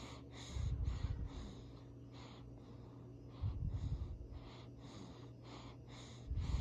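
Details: Sleeping baby: soft, low, rumbling noisy breaths in bursts over a steady hum, roughly 20 breaths a minute; infant snoring.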